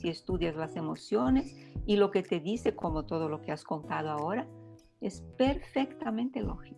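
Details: Adult speaker; no speech disorder.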